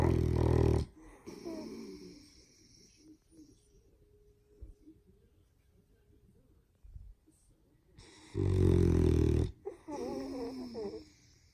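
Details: 6-month-old boxer puppy snoring in sleep beside a Yorkie: two loud, low, rattling snoring breaths several seconds apart, with soft breathing between.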